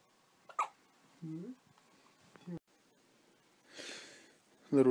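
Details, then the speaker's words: Newborn baby on day 2 with hiccups: three sharp, abrupt hiccup sounds in about five seconds, with soft coos and breathy sounds between them. "JP's just said is doing it for mommy and he's got the hiccups"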